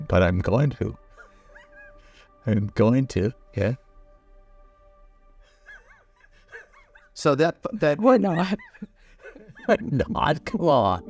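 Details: Aphasia after stroke, with broken, incomplete phrases.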